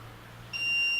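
A steady high-pitched electronic tone starts abruptly: a training defibrillator's alert beep during a practice demonstration.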